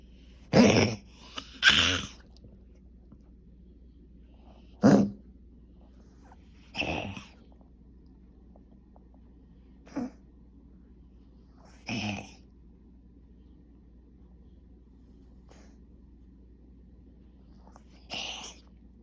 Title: Coughing - lasts longer than normal.